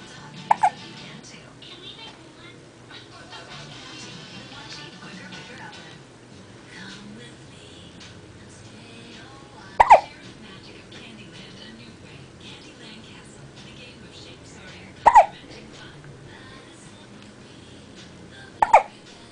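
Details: Infant gives sharp, brief hiccups at irregular intervals over soft background sounds.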